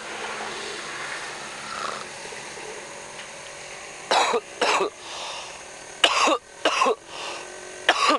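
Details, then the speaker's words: Lingering cough after flu, recorded outdoors: five sharp, harsh coughs in two pairs and a single burst over background noise. "Ayun, pahabol ng trangkaso ko. Narinig nyo ba, ubo?"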